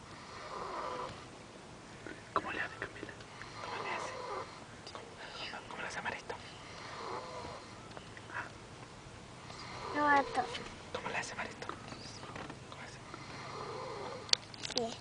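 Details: Mario sleeping: soft rough snoring breaths roughly every two to three seconds, with quiet talk and room noise in the background; ordinary snoring.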